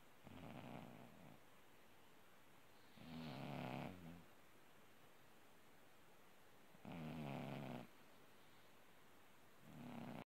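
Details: Orange tabby cat asleep: soft, rhythmic rattling snores, about 16 breaths a minute, with quiet pauses between breaths in a quiet room; snoring.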